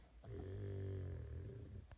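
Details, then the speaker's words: A pug dog snoring in the middle of the night: one deep, low, rumbling, vibrating snore lasting over a second. "This is a blackout video of Mystic snoring. That is my pug snoring in the middle of the night."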